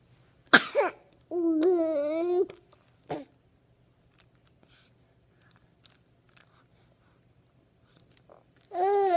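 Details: Infant boy sitting and eating toys: a short, sharp cough, followed by voiced babbling in a quiet room.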